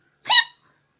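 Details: Person with Tourette syndrome doing a makeup tutorial: a single sudden, high, squeaky yelp in silence; simple vocal tic.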